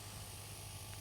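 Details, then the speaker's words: Suction unit running during a tracheostomy suctioning demonstration on a training model, while the catheter is removed from its sleeve before insertion into the trach: steady low motor hum with faint hiss. "okay so you're gonna turn on your suction okay you're gonna slowly remove your catheter from the plastic slave making sure your clean hand is the only hand that touches the catheter"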